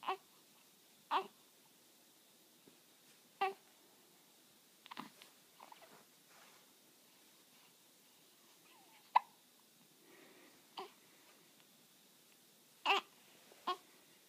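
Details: Hiccups: brief, sharp, jerky gulping sounds in a quiet room, about eight over fourteen seconds at uneven gaps.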